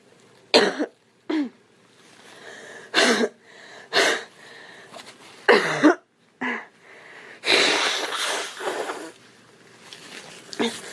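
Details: Eight or so deliberate, performed coughs and throat-clearing bursts from a girl in a small room, not from illness; cough.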